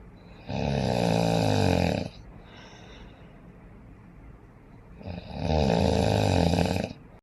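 Loud, deep, rattling snores on two long breaths in, with a quiet pause between them: heavy snoring.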